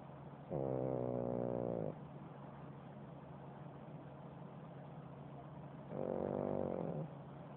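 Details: Two rattling, vibrating snores about five seconds apart over a steady low hum; ordinary rhythmic snoring.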